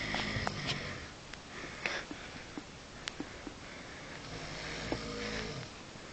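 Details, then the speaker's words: A man snoring in bed while asleep. "Okay, that was my dad snoring in bed."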